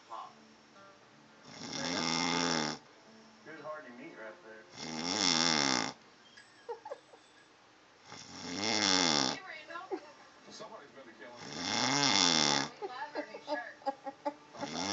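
Loud, rough snores about 18 a minute, with soft background talk and music between them: snoring.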